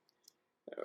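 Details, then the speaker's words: Mouth-clicking vocal tic in a person with Tourette syndrome who partly suppresses vocal tics by converting them into mouth sounds: faint mouth clicks, then a brief sudden voiced burst. "like see like i'm trying to avoid the vocal tics by changing them into the uh um"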